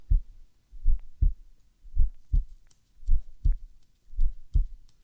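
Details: Normal heart sounds from a young woman in a roleplay physical exam: steady paired thumps at about 55 a minute, with only S1 and S2 and no S3 or S4; rhythm within normal limits.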